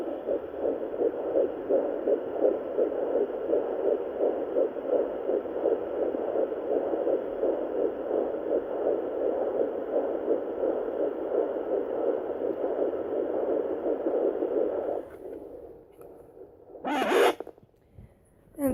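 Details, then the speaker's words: Fetal heartbeat heard on a Sonoline fetal Doppler at 11 weeks 4 days pregnant: rapid, regular whooshing pulses, counted at about 153–155 beats per minute, probe low on the abdomen and held near a phone. "one dude saying calculate right now it's up to 153 155 I just try to hold it up closer to the phone so that you can hear it"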